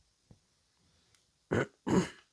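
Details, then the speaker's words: Adult woman with a deep voice from past vocal cord damage gives two forceful, rough throat clears in quick succession after a quiet stretch, clearing mucus or irritation; throat clearing. "chat est à côté de moi et j'ai un gros chat dans la gorge je vais reboir un coup peut-être que ça va aller mieux"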